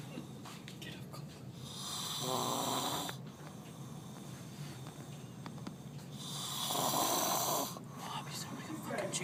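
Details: Loud, rough, hissing snores about every four seconds, roughly 14 breaths a minute, with a faint room hum; heavy snoring likened to a chainsaw.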